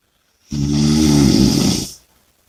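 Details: One loud, rough, rattling snore on a breath lasting about a second and a half; snoring with heavy breathing.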